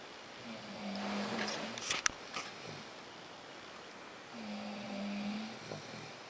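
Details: Two drawn-out buzzing snores on breathing in, with a sharp knock between them; snoring at night.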